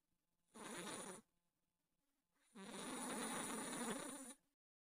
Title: Kevin the IT Cat Snoring